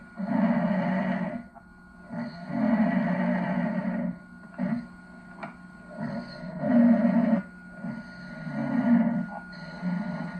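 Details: Father asleep in a room in Venice, 1989, with gaps between snores edited out: loud, rough, rattling snores, each one to two seconds, in close succession; snoring.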